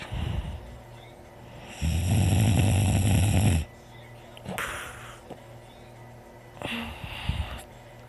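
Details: Snoring during sleep: one loud, rough, low snore on a single breath, then quieter breathing, with faint music behind.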